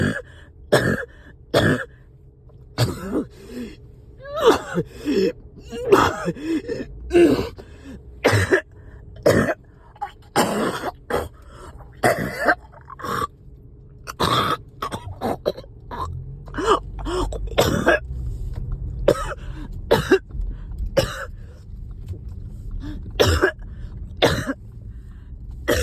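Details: Adult riding in a car with phlegm stuck: prolonged fit of repeated harsh coughs and throat clearing; productive cough (coughing fit).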